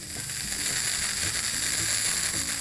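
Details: Steady hissing spray with faint clicking: liquid nitrogen cryospray freezing precancerous actinic keratoses on an adult woman's hand, large lesion possibly needing a second freeze.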